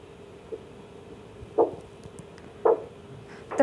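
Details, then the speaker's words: Doppler blood pressure measurement in a pet dog with an ultrasonic Doppler flow probe: faint whooshing pulse beats return and grow louder as the cuff slowly deflates; their return marks systolic pressure, about 115 mmHg here. "at which the sound returns is the systolic blood pressure in this case was at around about 115 millimeters of mercury"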